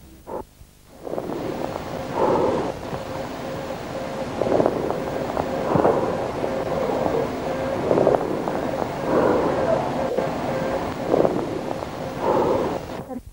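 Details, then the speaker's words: Amphoric breath sound in pneumothorax: hollow, blowing, jar-like resonant breathing from air in the pleura, a teaching recording in respiratory examination semiology. "a través de aire en la pleura neumotórax soplo am por ico escuchen"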